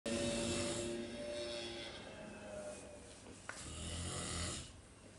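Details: Rough, rattling snore fading into noisy breathing, then a second airy breath, with room noise, recorded in a hostel; snoring.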